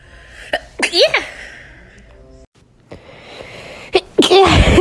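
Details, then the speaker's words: Sneezes in a compilation clip, one person trying to sneeze with eyes open: two sharp sneezes, the second preceded by a brief inhaled build-up, with short voiced sounds around them. "I'm gonna try to sneeze with my eyes open. Okay, that was weird, and I kind of want to do it again. Sorry, I sneezed a little there."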